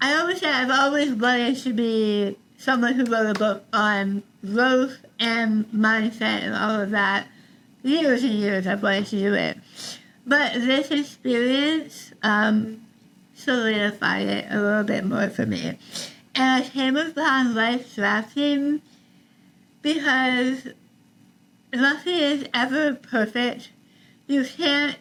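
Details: Adult woman about 3 years after treatment for stage 4 tongue cancer: over half of tongue removed and rebuilt with forearm skin graft, neck dissection, 6 weeks radiation and chemotherapy; some listeners cannot understand her; altered articulation after partial glossectomy.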